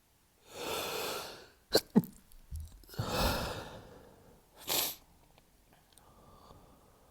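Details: Man who woke up sneezy with sneezing fits every 30-60 minutes on a cold morning: long breathy inhalations, short muffled stifled sneeze bursts, then a sharp held-back sneeze and quiet breathing.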